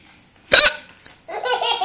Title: Baby laughs hysterically at mummys hiccups!